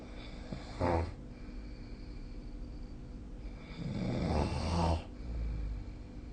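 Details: Snoring during sleep, recorded with a snoring-tracking app.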